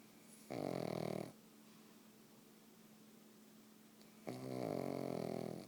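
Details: Two long, rattling, buzzy snores separated by a quiet pause of about three seconds, from a pug sleeping on a couch: snoring.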